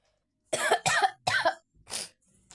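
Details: Three quick harsh coughs followed by a breathy exhale from a child who says they are sick, recorded while playing a video game; cough.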